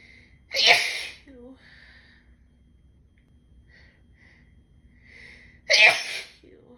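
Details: Female with spring allergies, off allergy medicine all weekend, itchy nose and throat: two loud, explosive, wet sneezes a few seconds apart, each with a sharp breathy burst, in a quiet room; repeated sneezing.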